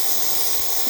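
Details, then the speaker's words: Electric nebulizer air compressor switched on for asthma treatment, producing visible fog or mist for the patient's nose and mouth: steady high-pitched hiss and hum; nebulizer compressor running. "এটা আমরা সংযুক্ত করব একটি electric কানেকশনের সাথে এবং এটা চালিয়ে দিব এর যে সুইচ রয়েছে"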